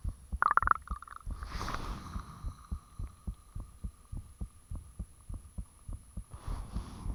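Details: Own heartbeat recorded with the fan off, shortly after it became unusually thumpy: regular, fairly quick low thuds with a steady hum and a few brief rustling noises; clearly audible heart sounds.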